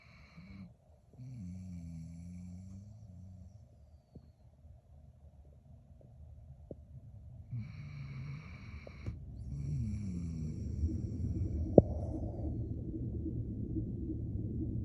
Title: A husky snoring during his sleep 😴🐶